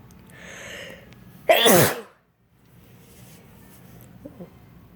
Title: Snow day 2 sneezes